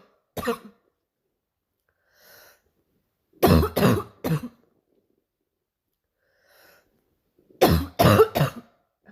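Harsh, low, explosive coughs: one single, then two clusters of three, with soft inhalations between; an adult's practiced imitation of a barking cough.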